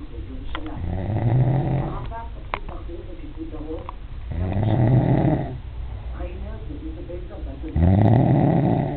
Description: this guy is a munster, he didnt believe me when in told him he is snoring so i had to film it to proof it